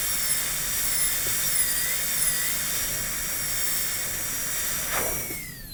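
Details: Dental teaching on students' canine preparations for PFM crowns, reducing the shoulder/chamfer margin near the gingiva: steady high-pitched high-speed handpiece whine with small pitch dips while cutting, then winding down.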